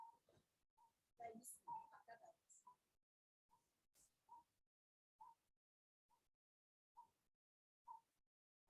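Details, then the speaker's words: Newborn in severe respiratory distress with chest indrawing, accessory muscle use and scissoring of feet, face mask too big: after brief fussing, short voiced expiratory grunts at the end of each breath, about 70 a minute. "the mask is too big for the baby the baby is actually grunting and the baby is in severe respiratory distress"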